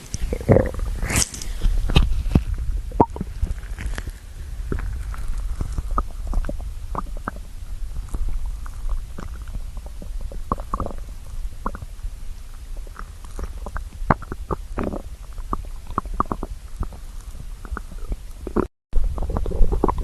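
Low gurgling and rumbling with scattered bubbly pops from the belly: ordinary stomach growling from hunger.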